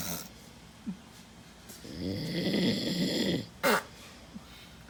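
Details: Soldier snoring loudly while asleep: one loud, rough, rattling snore on a breath, with short sharp noises before and after it.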